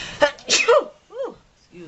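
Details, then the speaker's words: Single ordinary sneeze from a girl who thinks she is coming down with a cold (tagged allergies, sinuses): a sharp intake, then an explosive sneeze and a brief voiced sound. "excuse me guys I think I'm coming down with a cold"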